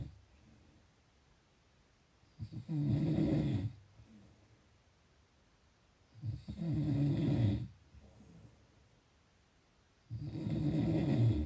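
Low, vibrating snores on breathing in, about one every four seconds, separated by quiet breathing out.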